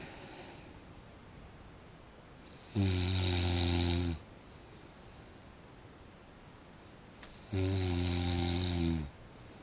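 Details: Person snoring at night: two long, loud, low rattling snores about five seconds apart over quiet room noise.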